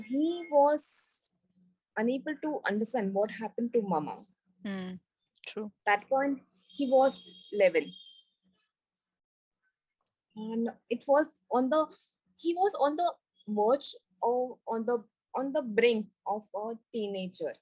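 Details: Woman with global aphasia after a stroke during an Everest base camp trek about four years earlier, initially unable to speak, read, write or spell; recovering after speech therapy; global aphasia after stroke (recovering).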